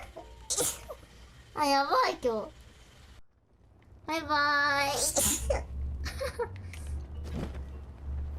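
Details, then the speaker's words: Several abrupt sneezes with sharp bursts of air, some voiced before the burst, with spoken apologies between them; from a sneeze compilation of a demon vtuber who says they have been sneezing a lot lately. "I've been sneezing today. Sorry. ハッピーバースデー。なんかめっちゃくしゃみするな最近。"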